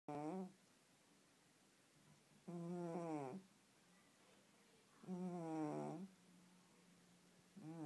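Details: Sleeping female cat snoring with regular buzzing, tonal snores about every two and a half seconds, roughly 23 per minute.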